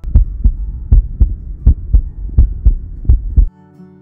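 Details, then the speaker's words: Soft heart murmur in a dog or cat, heard through a stethoscope: regular paired heartbeats near 82 a minute with a faint, quiet whooshing between them. "heart murmur can be soft and quiet like"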